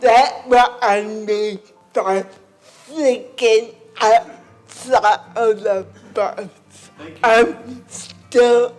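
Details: Adult woman with cerebral palsy and a speech impairment; dysarthria (cerebral palsy).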